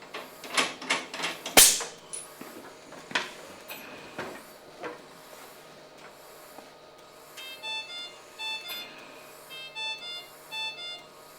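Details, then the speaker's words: G5 ventilator pre-use check during ventilation at 50% oxygen: handling clunks, then repeating high alarm beeps of a gas supply failure alarm, with a visual alarm, as the supply is disconnected. The oxygen disconnection is described first, then the same test with medical air. "Quand je débranche, alors je peux voir ici, j'ai une alarme visuelle et une alarme de défaut d'alimentation d'oxygène."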